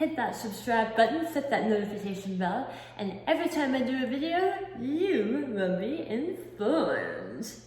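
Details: Articulation disorder with a lisp-like defect in an adult woman, acquired after a 2018 hemiglossectomy for oral cancer; about 50% of her tongue was removed and replaced with a flap tethered to her cheek.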